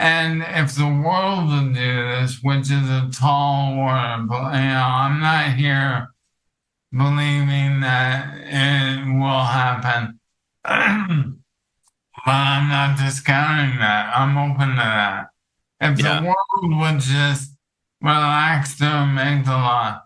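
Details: Dysarthria from ALS in an adult male counselor; the ALS affects his vocal cords, makes talking for long periods difficult and has reduced his speech clarity.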